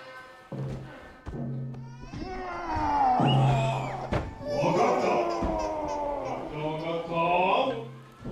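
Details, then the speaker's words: Infant held by a costumed oni at a Setsubun oni dance in a temple main hall, allowed again after three years: loud, sustained crying with rising and falling wails over drumbeats and music. "年ぶりに鬼が赤ちゃんを抱っこ久しぶりの鳴き声が本堂に響きましたしっかり泣いてくれたんでよかったです"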